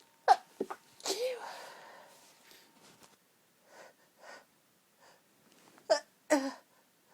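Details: Allergy-related sneezing from a sensitive, tickling nose, deliberately stifled: several short, muffled sneezes held back in the throat, with a drawn-out breathy build-up and a false start between them.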